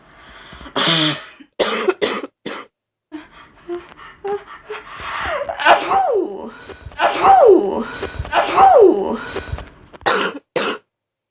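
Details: Ill person with fever of 39.2°C, congestion and a very bad sore throat, starting to cough up mucus: several loud, partly wet coughs and throat-clearing bursts with sneezes and sniffs between; a productive cough.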